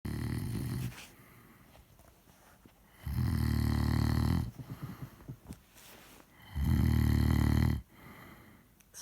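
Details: Snoring in an intoxicated (drunk) sleeping man: three loud, low, rattling snores about every three seconds, roughly 18 a minute, with quieter breathing between, likened to a steam train.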